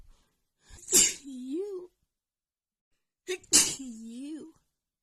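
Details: Female with a massive itchy sneeze attack: two sneezes, each a sharp hissing burst trailing into a short voiced sound.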